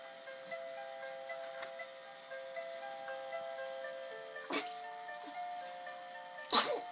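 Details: Infant sneezing while looking at a mobile: two brief, sharp sneezes over a tinkling music-box tune.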